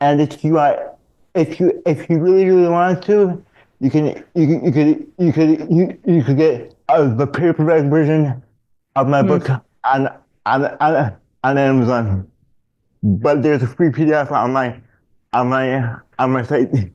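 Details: Adult male with dystonia, a neurological disorder affecting mobility, diagnosed in childhood, with multiple childhood surgeries: dysfluent speech with frequent word and phrase repetitions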